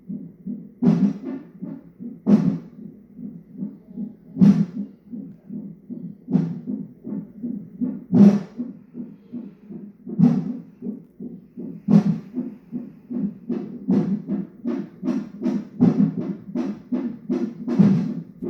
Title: 34 weeks Non-Stress Test...hiccups or baby is a drummer?